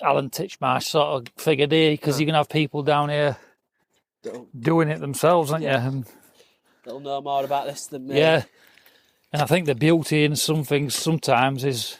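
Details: Adult male speaker; typical speech.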